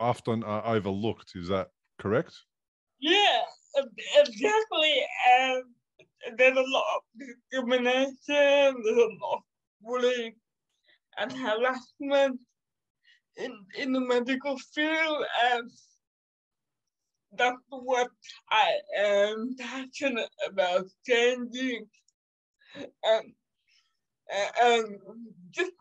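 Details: 27-year-old woman with cerebral palsy caused by severe neonatal jaundice, which she says makes her sometimes speak and move differently. Dysarthria (cerebral palsy)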